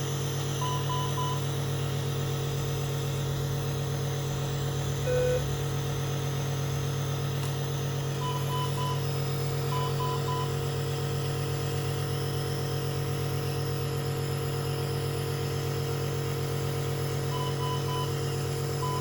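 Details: Steady low motor hum of a nebulizer compressor with short triple beeps from a bedside monitor, during nebulizer therapy for a NICU infant with Down syndrome, wheezing and chest congestion.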